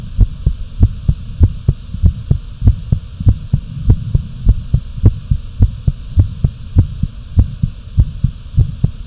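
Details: Own fast, pounding, visible heartbeat and pulse with some breath holds: strong, regular low thumps about 100 a minute over a steady hum; tachycardia.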